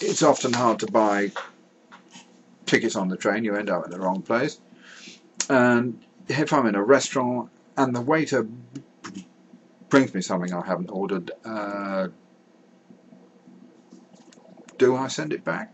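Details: Real stuttering in an adult male who says he has a stammer.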